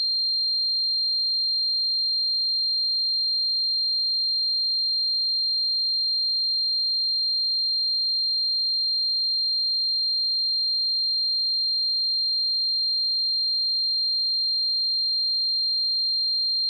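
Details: Simulated tinnitus sound effect: a steady, unbroken high-pitched tone throughout, imitating the ringing heard in tinnitus.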